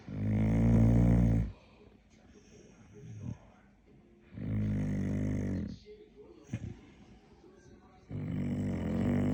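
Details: Dog snoring at bedtime: loud, rattling snores on breathing in, about three in nine seconds, with quiet breathing out between.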